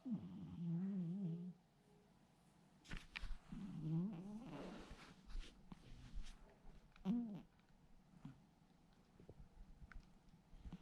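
Low, rattling breath sounds from a sleeping cat, with a soft purr-like vibration, resembling human snoring, in a quiet room.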